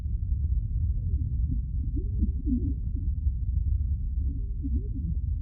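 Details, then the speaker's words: Film sound design from Sound of Metal simulating the onset of a drummer's hearing loss: dull, muffled low rumble with faint tonal sweeps and no high pitches, mostly lower frequencies remaining; simulated muffled hearing. "In moments representing the beginning of Reuben's hearing loss, things don't just sound quieter, but are duller and muffled."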